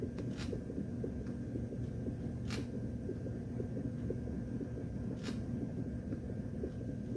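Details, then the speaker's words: Fetal heartbeat of a baby girl on a hospital Doppler monitor during the mother's labour, with epidural: fast, rhythmic whooshing pulses heard through the abdomen. "Also, the whole time they had this Doppler on me that was checking the baby's heartbeat. I'll show you guys that right now too, where you can hear her heartbeat on the machine."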